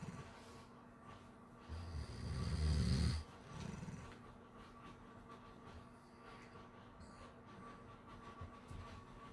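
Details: A sleeping pit lab mix dog snoring.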